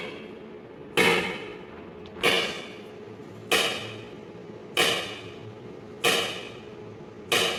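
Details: Extracorporeal shock wave lithotripsy (ESWL) of a left kidney stone, targeted by C-arm fluoroscopy through a fluid-filled membrane: loud, sharp slapping cracks at a steady pace, about 47 a minute; a knocking sound as if something is breaking.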